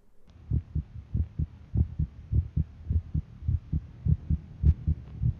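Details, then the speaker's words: Heartbeat recorded with an iPhone used as a stethoscope: regular paired lub-dub thumps at about 100 beats a minute, with a faint hum behind them. "मैंने जो साबुन record क्या है अपने heartbeat का उसको मैं सुना देता हूं यह साइड में रिकॉर्ड किया अपने आईफोन को यूज करके"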